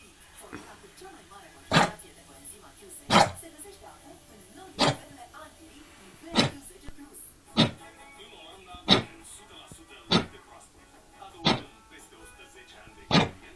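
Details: Dog Ambra gives nine sharp, dry cough bursts about every one and a half seconds over background music; owner unsure whether tracheal collapse or kennel cough; dog cough.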